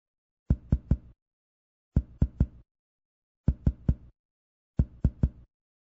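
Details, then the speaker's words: Four sets of three crisp percussion taps on the posterior chest along the scapular line after full exhalation and breath-hold, moving up from the first mark to where dullness changes to resonance; maps diaphragmatic excursion (normal 3–6 cm). "take a couple of deep breaths exhale as much as you can and hold it perk us up from the first point and Mark where the tone changes from dullness to resonance"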